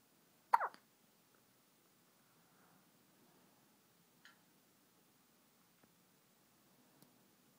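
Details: A sleepy baby boy being rocked in the middle of the night after a feeding gives about four brief, sharp, irregular hiccups over several seconds in a quiet room.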